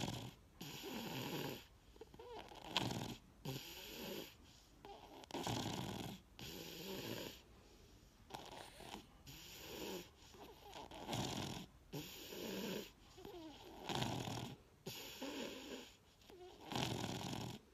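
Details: Sleeping toddler with obstructive sleep apnea: loud, rough snoring at about 22 breaths a minute.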